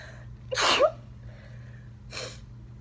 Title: Covered sneezing fit | 17 sneezes